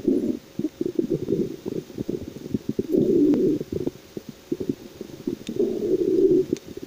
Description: In meinem Bauch rumort es Mal wieder richtig 😁